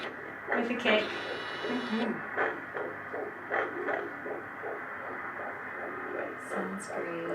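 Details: Rapid whooshing pulses on a handheld Doppler with a brief bump from fetal kicking, about 160 a minute, at a 15-week midwife checkup, third pregnancy, baby boy; fetal heartbeat.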